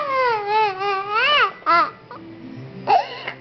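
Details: A 2-year-old girl cries in loud, wavering wails that break off and start again, over faint room noise: child crying.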